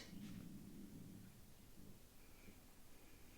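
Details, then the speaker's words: Stomach growling (borborygmi) from a hungry person who has not eaten much today, heard during a talking recording. "you guys hear that that was my stomach sorry i'm a little hungry i haven't eaten that much today"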